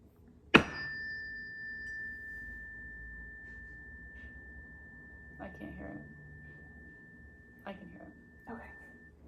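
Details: Tuning fork hearing test (Rinne test).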